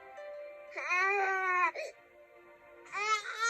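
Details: Soft infant cry from a simulated baby (infant simulator doll).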